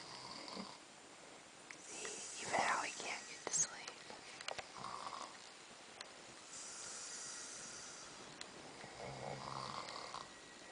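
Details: Husband snoring during the night: loud rattling snores on breathing in, repeating every few seconds, with quieter breaths between; typical snoring.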